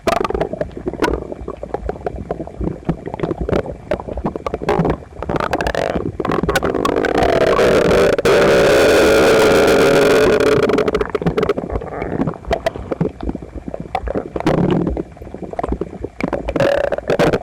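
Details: Male, visibly uncomfortable, stomach slightly upset the night before, after a breakfast of toast, eggs and milk; phone pressed close against belly: very loud continuous rumbling and gurgling with a long drawn-out groan; loud bowel sounds.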